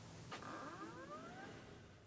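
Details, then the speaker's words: DIY battery-powered backpack ventilator prototype switched on: a click, then a rising motor whine as the small blower spins up, runs a roughly five-second self-test, and pumps air into the mask in constant fan mode. "it takes about five seconds it performs a little self-test that I wrote I wrote all the code that you're green O's running here and in this particular mode it's in constant fan mode so it's pumping air into the mask"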